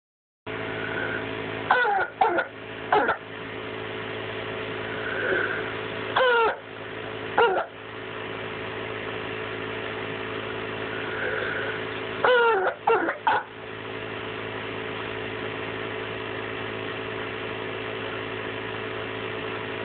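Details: Child with croup gives about eight harsh, barking coughs in short clusters.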